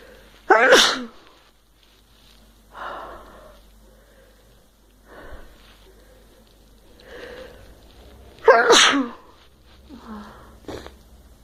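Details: Two sharp, explosive sneezes, each with a breathy intake before and soft sounds after, in a quiet room. The sneezes were induced with a Q-tip, and the person suspects allergies after feeling sneezy for several days.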